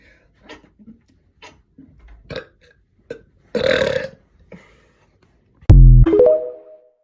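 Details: Several short throaty bursts then a long loud belch: voluntary burping from deliberately swallowed air during an attempt at continuous burping for one minute, with brief background music.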